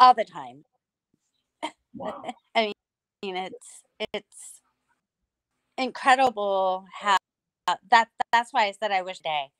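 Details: Aphasia in an adult female stroke survivor, about nine years after two hemorrhagic strokes caused by a carotid artery tear; she lost speech and relearned talking with a speech pathologist using singing.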